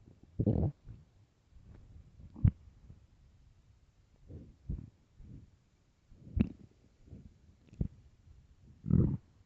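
Quiet, low gurgles and groaning rumbles recur in short bursts. These are ordinary stomach growling sounds from hunger.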